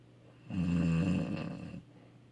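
A single loud, low, rattling snore lasting just over a second, against a quiet room.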